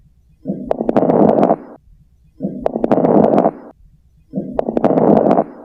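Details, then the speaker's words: Fine, late inspiratory crackles (rales) in a patient with early heart failure: brief popping sounds clustered toward the end of each of three inspirations. "this is the sound of a patient with fine crackles in early heart failure now these are glate inspiratory crackles a classic finding for pneumonia chf and atelectasis"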